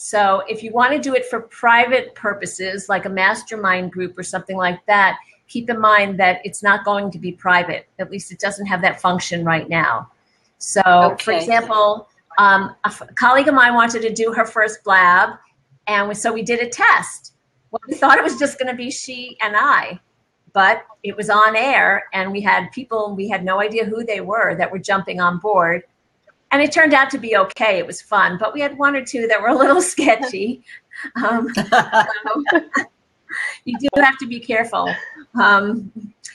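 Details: Adult woman speaking; ordinary speech.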